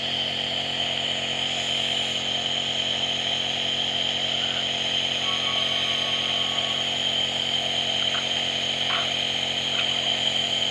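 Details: Child coughing at night receiving a nebulizer treatment before bed, with school the next morning: steady loud buzzing motor hum with a high whine throughout from the running nebulizer compressor.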